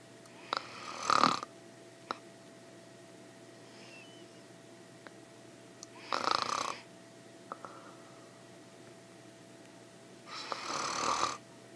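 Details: Adult woman snoring in sleep (ASMR recording): three breathy snores about five seconds apart, roughly 12 a minute, with a faint steady tone and small clicks behind.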